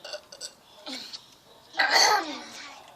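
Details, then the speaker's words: Burping challenge after drinking Coca-Cola: a few short throaty sounds, then one long, loud, rumbling belch. "obviously you will burp because there is carbon dioxide in here so therefore you will burp"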